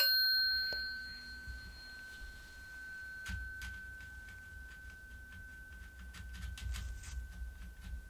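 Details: Tuning fork struck for a bedside hearing test during an ASMR cranial nerve exam (likely role-play): a clear pure ringing tone slowly fading, with soft handling taps.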